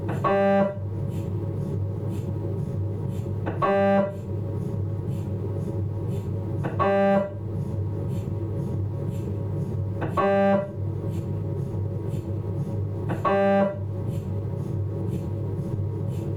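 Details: MRI scanner noise from a Philips 1.5T abdominal scan: steady low machine hum with loud buzzing tonal bursts roughly every three seconds.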